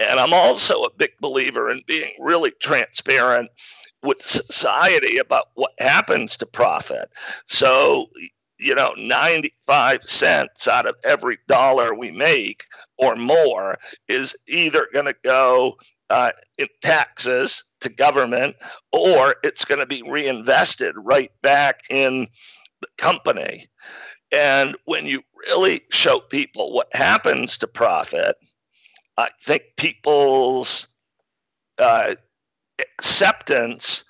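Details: Adult man with spasmodic dysphonia, a rare neurological speaking disorder causing partial voice loss; onset around 2010, diagnosed 2012, much improved over a decade though still affected: spasmodic dysphonia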